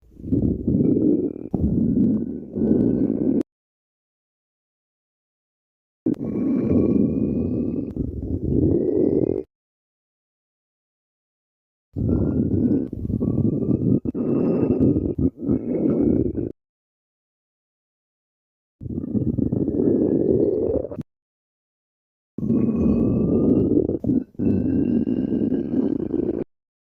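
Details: Teenager's stomach growling: low gurgling rumbles with rising squeaky whines in five separate bursts, ordinary borborygmi from gas and fluid.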